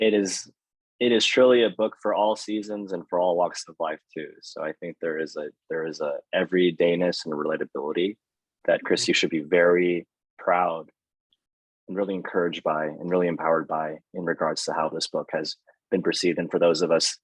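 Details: Adult male speaker; ordinary speech.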